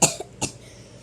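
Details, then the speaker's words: Cough from a person who reports having a really bad cough. "have this really bad cough, and also I missed Father's Day, which I'm really sorry about."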